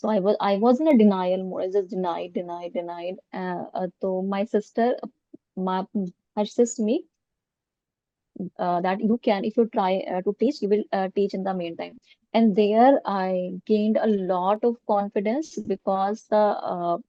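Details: Stammering (stuttering) in an adult woman, severe in childhood and school, treated with speech therapy using prolongation and pausing techniques.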